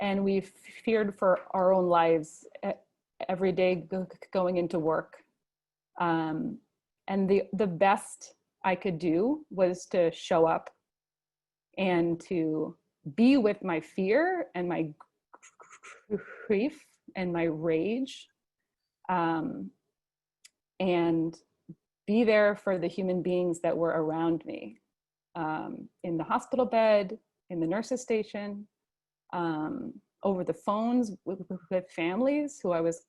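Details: Adult male who stutters and chooses to stutter openly; real stuttering.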